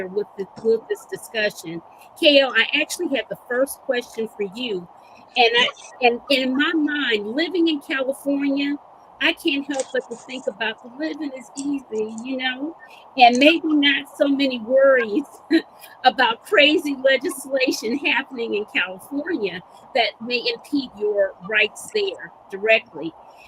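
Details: Adult woman speaking; Normal speech.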